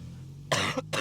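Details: Two quick, harsh coughs in a row over low room rumble, from a person at the gym.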